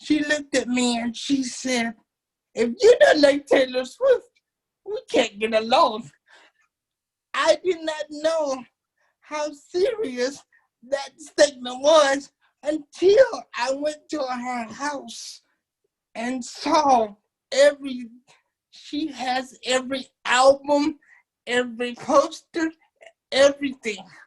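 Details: Dysarthric speech in a 27-year-old man with cerebral palsy since birth, whose muscles do not work typically; he uses a wheelchair, and doctors had told his family he would never talk.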